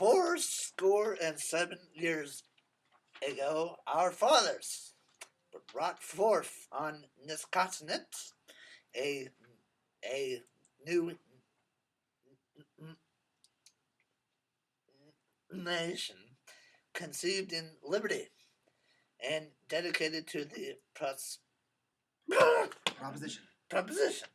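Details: Stuttering during reading aloud by an adult who stutters, with audible word and part-word repetitions and fillers.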